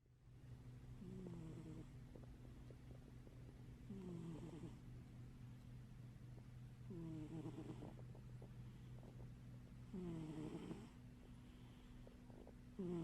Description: My cat Scrapper is snoring...while sleeping with one eye open :)